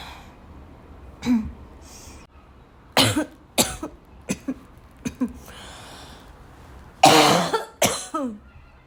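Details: Afternoon coughing fit in a girl, starting weak and gradually becoming violent: repeated harsh coughs, about eight bursts, ending in a loud, forceful cluster at the violent end of the fit.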